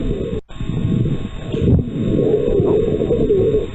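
Simulated breath sounds with fine crackling pops through inspiration: localized crackles over the left lower chest, consistent with a pneumonic focus.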